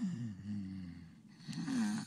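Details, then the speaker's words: Sleeping child with sleep-disordered breathing: while snoring he holds his breath, then gives two rough, voiced snorting groans as he shakes and briefly wakes himself, an arousal snort after blocked breathing. "shakes you kind of woke himself up"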